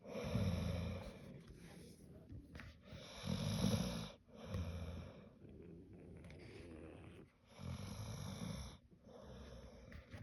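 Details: Sleeping dog snoring: repeated low, rumbling, fluttering breaths every couple of seconds.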